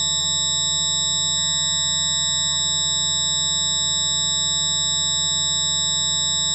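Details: A tinnitus sufferer's approximation of their own constant tinnitus, described as a jet engine in the left, right or both ears: steady high-pitched ringing tones layered over a low hum, unchanging, a simulation.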